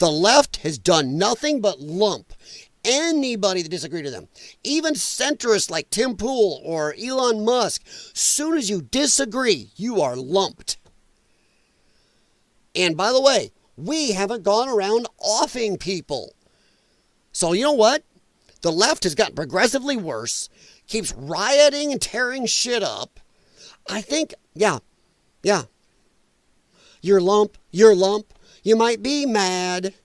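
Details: Dysphonia in a man who attributes it to vocal cord damage from infections related to his lung problem and regards it as a disability.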